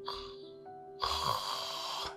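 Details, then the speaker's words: Home recording of a sleeping adult with severe obstructive sleep apnea who had failed CPAP: the mouth moves but air won't enter, then a rough, strained snoring breath breaks through the blocked airway: snoring with obstructive sleep apnea. "지금 숨을 쉬려고 하는데 숨에 안 들어가는 상황입니다 그래서 입만 뻥긋뻥긋하고 숨을 못 쉬어요"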